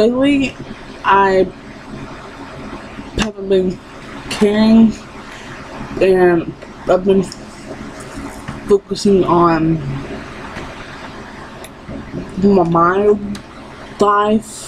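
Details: Woman with lifelong stuttering that persists despite therapy; she recalls being unable to say her own name.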